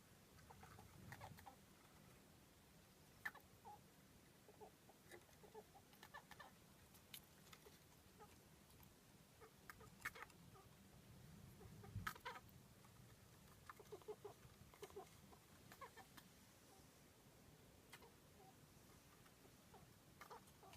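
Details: Pet mouse at the peak of a respiratory illness, after earlier lone sitting, fluffed fur and laboured breathing, gives repeated tiny sneezes and faint high chirps: sneezing and chirping from respiratory infection.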